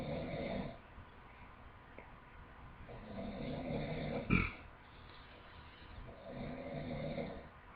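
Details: Loud snoring: slow, rough, low snoring breaths repeating through a quiet room, with one sharper snort partway through; snoring.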